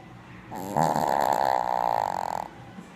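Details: Sleeping dog (Rocky) snoring heavily when tired: a single long, loud, rattling snore.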